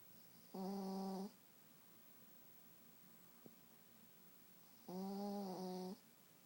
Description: Deep sleep, snoring pekingnese, little dreamer, sweet dreams, small dog snores loud, my adorable dog sleeps while I watch the WARRIORS whooop the kings aka "Queens"!!